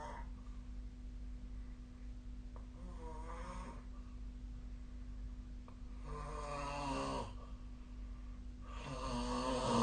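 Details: Snoring during sleep recorded with the SnoreLab app: quiet room hum with two or three rough, rattling breaths, the last louder.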